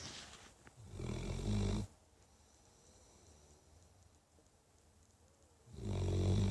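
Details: Two loud, low, rattling snores separated by a long quiet pause, each resembling a heavy human snore like an old man's: snoring in a sleeping dog.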